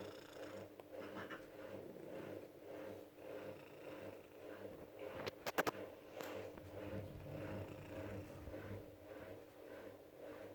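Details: A sleeping shelter cat purrs steadily while soft rhythmic snores ride on its breaths: purring with snoring at the same time.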